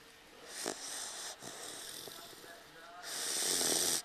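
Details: Snoring in a sleeping Dogue de Bordeaux puppy napping on its owner's lap: rough, hissing snoring breaths with a snort near the start.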